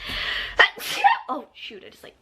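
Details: Girl sneezing, tagged allergies and sinuses: one sudden loud sneeze with a sharp burst and short follow-through, then a few quiet spoken sounds.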